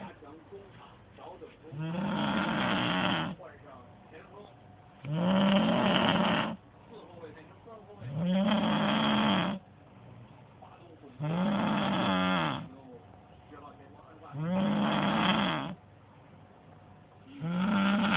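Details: Heavy snoring from a sleeping person: loud, rough snores about every three seconds, roughly 19 a minute, with quiet breathing between and a television talking faintly in the background.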